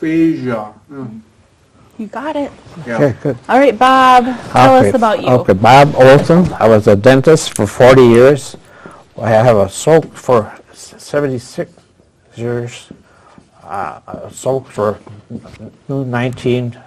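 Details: Adult with aphasia after a stroke at age 76, previously in a professional career, attending an aphasia conversation group with a speech-language pathologist; real patient speech showing aphasia.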